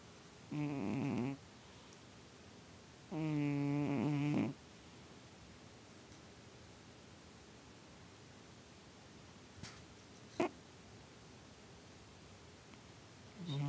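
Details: Snoring with twitching during sleep: two long, buzzing, rattling snores on breaths in, with quiet room noise and faint clicks between.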